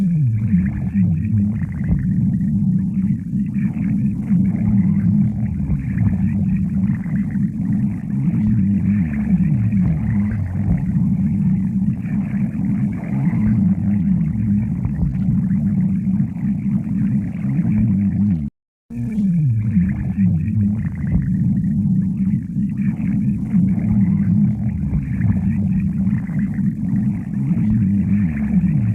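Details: Stomach growling: continuous low gurgling and rumbling with whale-like rising and falling tones; borborygmi.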